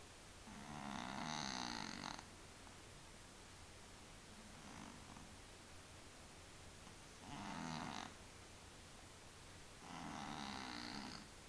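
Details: Cat in deep sleep: rhythmic snoring, about four snores spaced several seconds apart, over steady low room hum; snoring.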